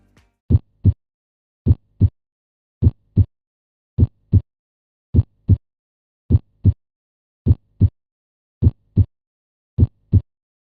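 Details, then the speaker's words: Normal S1 and S2 heart sounds in a teaching animation: S2 from aortic and pulmonary valve closure, with systole between them and diastole after S2. "and the S2 heart sound occurs when the pulmonary and aortic valves close."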